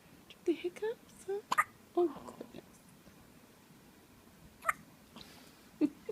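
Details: Hiccups in a 2-hour-old newborn baby: small, sharp hiccup sounds, three or four in six seconds, among soft baby noises.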